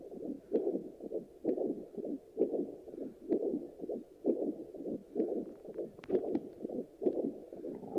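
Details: Handheld fetal Doppler used on the mother after delivery picks up regular whooshing pulses about 65 per minute, a normal adult heartbeat.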